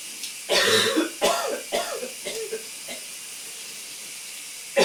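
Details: About five coughs, harsh and throaty then shorter, over steady shower hiss in a steamy shower; a loose, productive cough.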